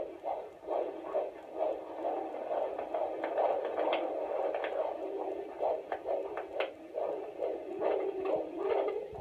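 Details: Fetal heartbeat on Doppler at a midwife visit, probe over the baby's back, baby lying posterior: rapid whooshing pulses at about 136 a minute, typical of a normal fetal heartbeat.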